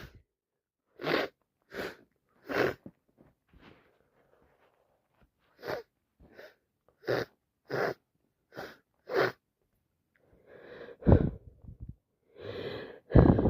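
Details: Person with a cold, day 4: a run of short voiced catches and breathy bursts ending in two forceful, wet-sounding sneezes.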